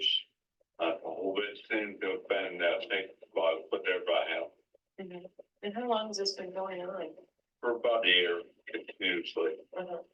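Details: Man with flaccid dysarthria; slurred speech, imprecise consonants, monopitch and monoloudness, sounding weak as if unable to move his muscles efficiently; finding: flaccid dysarthria.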